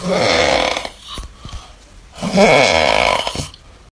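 Two loud, rough, rattling breaths about two seconds apart with a quieter pause between: snoring.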